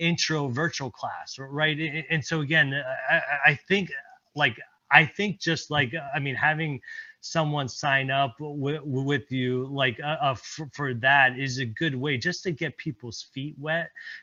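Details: Presenter at a stuttering-community event, speaking with word repetitions. Finding: stuttering.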